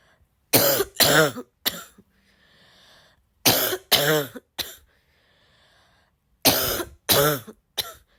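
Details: Sick girl with a congested, barky cough: three bouts of three harsh, voiced barking coughs, nine in all, with noisy breaths between.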